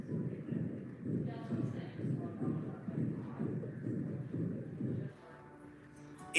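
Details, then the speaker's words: A very loud heart murmur with a thrill, felt as a buzzing, in a veterinary explanation of dog and cat murmurs: rapid, harsh whooshing beats at about 130 a minute, with soft music behind. "heart murmur can be soft and quiet like this or they can be very loud sometimes accompanied by a buzzing feeling like"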